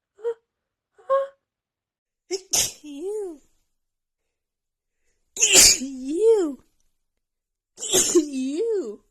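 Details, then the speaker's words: After trying to hold back and stifle sneezes, two short breaths then three forceful let-out sneezes in quick succession, each a voiced sharp burst with drawn-out vocal release, part of a rapid sneeze attack. "I can't I can't I can't hold this anymore I have to let them out"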